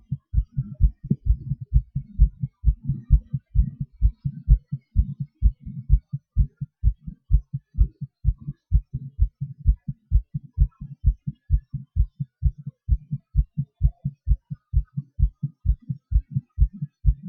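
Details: Own heartbeat recording during breath-holds and panting (hyperventilation): steady regular low thumps around 65 a minute, pace shifting with breathing manoeuvres; normal heart sounds with rate changes.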